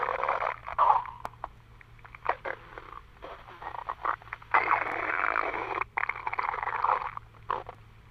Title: Stomach Growling